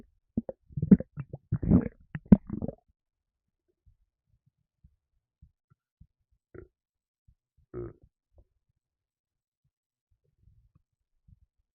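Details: Stomach rumbling in a gassy person: a short burst of low gurgling rumbles, then quiet with a few soft gurgles and pops; burps also mentioned.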